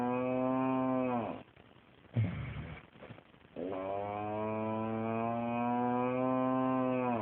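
Long, deep, tonal droning snores with a moo-like hum, broken by a short snort and breath.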